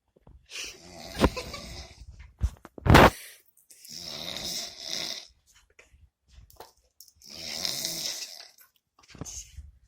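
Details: Snoring during sleep: loud, rough breathing sounds in recurring bursts with pauses between them.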